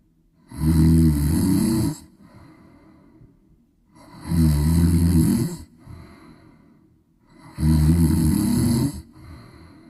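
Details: Sleeping cat snoring during storms: three loud, rattling snores on inhaling, about 17 a minute, with quieter breathing out between; ordinary snoring.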